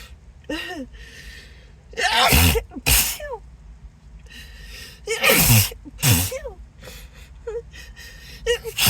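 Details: Acted, announced sneezing fit; the speaker apologises, says the nose tickles and suspects an allergy: a series of loud sneezes, each with a gasping build-up, over background music; repeated sneezing fit.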